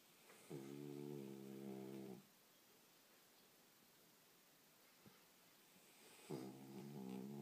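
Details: 5-year-old Chihuahua snoring: two long, loud, buzzing snores with a steady droning pitch, separated by a few quiet seconds of breathing, cut short when the dog was disturbed; typical snoring.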